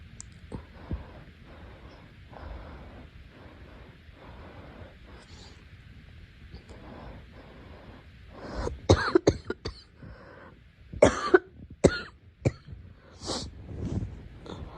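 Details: Girl coughing: quiet, noisy stretch, then a run of several short, sharp coughs with brief pauses between.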